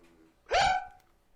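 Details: Imitated simple vocal tic, modelled on a man in his early twenties with tic disorder whose sounds come out involuntarily; simple vocal tic (imitated).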